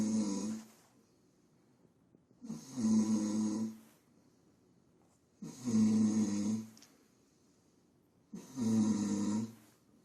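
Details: Drunk adult man sleeping and snoring: loud, rattling snores on each inhalation, about four in ten seconds, with quiet pauses between, heavy snoring in deep sleep.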